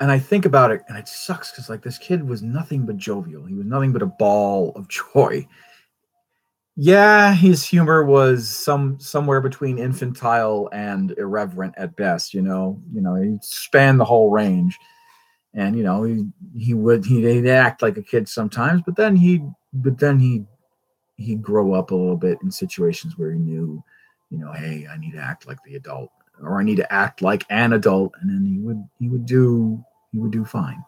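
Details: Stuttering in an adult male who attributes his constant stutter to a traumatic brain injury from a rollover car accident in England.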